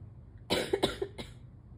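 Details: During a morning allergy episode, a short run of three or four quick, harsh coughs in a quiet room; cough.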